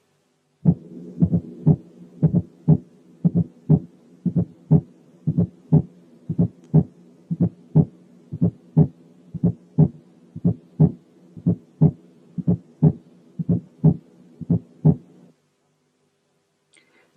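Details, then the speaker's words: Fourth heart sound: regular low heartbeats near 59/min, each first sound preceded by a soft, low-pitched extra sound. "ان الفيرست ساوند مش لب بس، لا ده في قبليه حاجة زي كده درب، والدي اللي بنطقها قبل اللب هي الفورث هارد ساوند."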